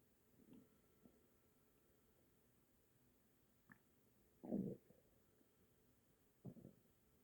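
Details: Night-time stomach noise in a quiet room: a few brief gurgles and one louder burbling rumble; ordinary borborygmi.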